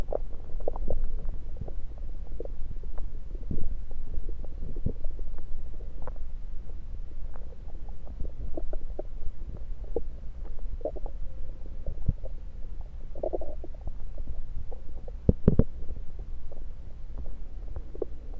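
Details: Stethoscope placed at different spots around the belly: low rumbling with frequent soft gurgles and clicks, plus some stethoscope handling noise; ordinary bowel sounds.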